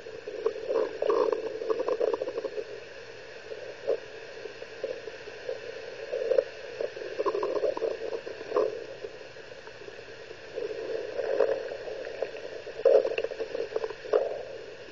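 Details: Abdominal bowel sounds (borborygmi) from an 11-year-old girl, recorded with ultrasound: irregular soft gurgles and squelches consistent with ordinary bowel sounds.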